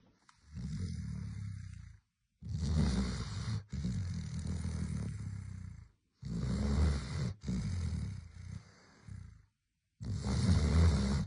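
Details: A sleeping dog with loud, low, rumbling snores in long drawn breaths separated by short silences, about 15 a minute; snoring.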